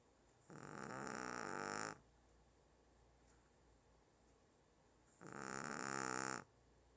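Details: A 1-year-old Shih Tzu dog snoring loudly while asleep: two long, loud, rattling snores separated by quiet pauses.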